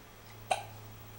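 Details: A single short, sharp hiccup in a quiet room from a person with the hiccups.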